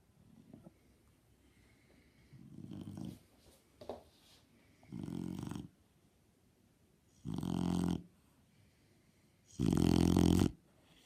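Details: Shar Pei dog snoring.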